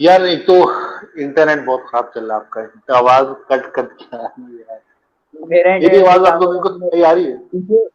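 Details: Adult man who stammers, a founder member of a stammering support group; stuttering.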